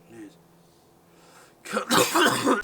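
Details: Actor interrupting film takes with a burst of harsh, rough coughing and throat clearing in quick succession, a coughing fit; later reported all well with no polyps: cough.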